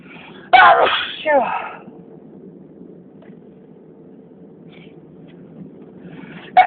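Two loud, forceful sneezes in quick succession, then a quiet room and the start of another sneeze at the end; a sneezing fit.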